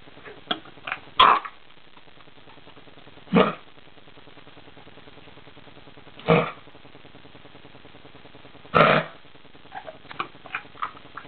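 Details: Dog with kennel cough, coughing all night, recorded around 5 am: four harsh, honking cough bursts a few seconds apart.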